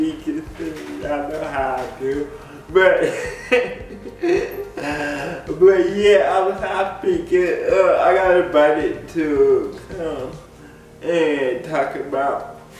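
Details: Dysarthric speech associated with cerebral palsy in an adult man; people have laughed at the way he talks since childhood. Cerebral palsy is named, but no speech disorder is formally named.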